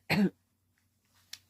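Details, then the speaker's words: Single short, rough cough in an adult with a worsening respiratory illness, coughing up phlegm and sniffles; cough catches especially when talking too much; followed by quiet and a soft breath. "sorry kind of catches especially if I talk too much so I've been on the quiet side"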